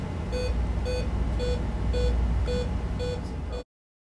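Steady repeating electronic beeps, about two a second, over a low hum; a simulated patient monitor alarm during bronchospasm.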